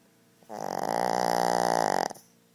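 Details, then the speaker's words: Shih Tzu dog asleep, snoring louder than a human: one loud, drawn-out, buzzing nasal snore lasting about one and a half seconds; snoring. "at this Guy he snoring want to make a song out of this"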